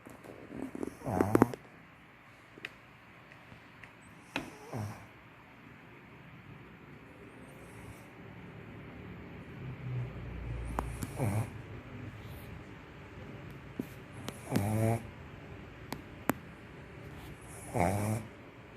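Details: Pug sleeping and snoring: brief rattling, snorting breath sounds every few seconds in a quiet room.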